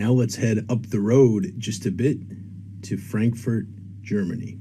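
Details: Adult man speaking; ordinary speech.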